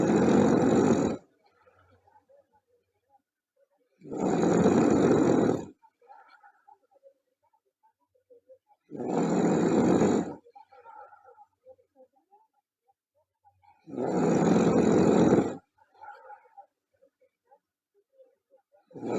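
Loud harsh rattling snores on each breath, about 13 a minute, with quiet gaps and faint background sounds between; heavy snoring.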